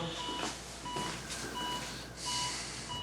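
Regular electronic beeps about 90 a minute over room noise, a patient monitor tracking the heartbeat, staged for a film.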